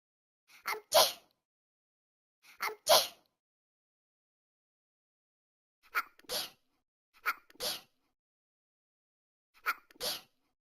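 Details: Sneezing fit from the Talking Angela game cartoon cat: five sharp sneezes, some with a short intake before each burst, separated by silence.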